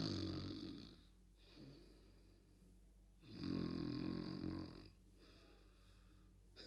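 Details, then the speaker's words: Two loud, low rattling snores on the in-breath, with quieter out-breaths between; an adult's acted imitation of a tired boy snoring on a cot. "चारपाई पर लेटने के थोड़ी ही देर बाद वो खर्राटे भरने लगा।"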